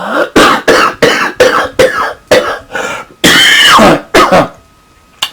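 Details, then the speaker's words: Adult with bronchiectasis caused by follicular lymphoma, lungs filling with phlegm overnight, using a huff cough cycle to clear mucus; a string of forceful huffs and coughs, one long rattling expiration, a loose, wet productive cough. "me cough what I'm basically doing is I'm getting air underneath the mucus I'm bringing it up waiting up to higher in my chest so I can actually cut it out"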